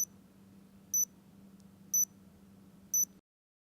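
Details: Four short, high, evenly spaced electronic beeps about a second apart over a low hum, as a Nano insulin patch pump base is pressed into a reservoir patch, confirming activation.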